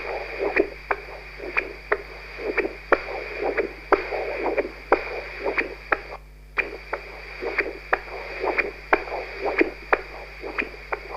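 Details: Human heart auscultated with a new Doppler-based stethoscope, rhythmic whooshing pulses with sharp clicks, about 60 a minute; Doppler heart sounds.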